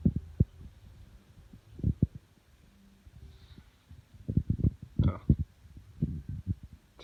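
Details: Woman snoring, likened to a cartoon character: low, rough fluttering bursts in clusters, with quieter gaps between breaths, during sleep.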